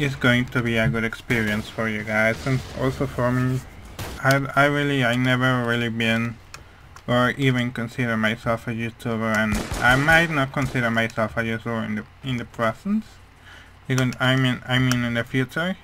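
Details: Speech of a male speaker with a hearing problem, which he says mainly explains how his voice sounds, though he is unsure whether his accent also plays a part; speech of a person with hearing loss.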